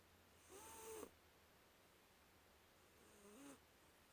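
Two soft, whistling nasal snores from a sleeping cat, each about half a second, over quiet room hiss.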